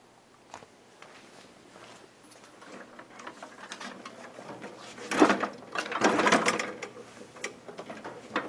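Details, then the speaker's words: Maquet Servo-i ventilator switched on at the rear power switch: quiet mechanical clicks and ratcheting whirs that build then settle as it boots up, before the pre-use check. "That's our power switch. We flip that on, and our machine will start to boot up."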